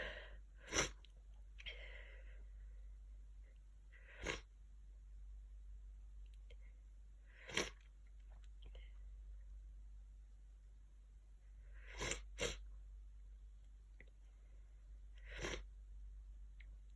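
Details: Hay fever allergy sneezing: a run of about six sneezes, several stifled and muffled, with quiet breaths between in a still room.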